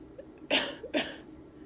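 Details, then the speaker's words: Demonstrated splinted coughing exercise after abdominal surgery to prevent pneumonia: a pillow is held firmly over the incision, then a deep breath and two firm deliberate coughs in quick succession. "so you would put a pillow on your stomach wherever your incision is and kind of hold it firmly and then what you're going to do is you're going to breathe in deep just like you did for your breathing exercise"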